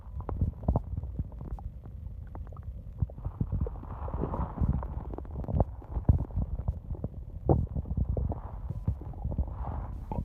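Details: Long stomach growling at night (part 1): continuous low gurgles, bubbling pops and drawn-out rumbles; stomach growling (borborygmi).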